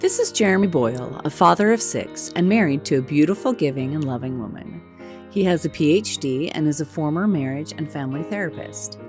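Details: Adult female narrator; typical speech.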